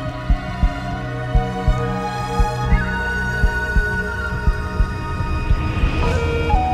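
Regular low heartbeat thumps at about 60 a minute under sustained background music; a produced heartbeat effect.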